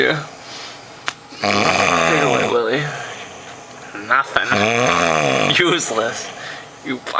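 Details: Man in deep sleep, unresponsive to a wet willy and to having an eyelid opened, snoring heavily: two long, loud, rattling snores with slow inhaled breaths between them in a quiet room.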